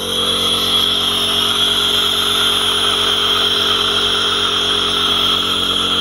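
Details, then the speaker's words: Compressor nebulizer running: steady mechanical hum and buzz while a sick child inhales for a cough occurring every 3–5 minutes; pediatrician found no pneumonia suspicion. "Друзья всем приветик вы на канале путилычи сегодня будет короткое видео про то как мы делаем ингаляцию"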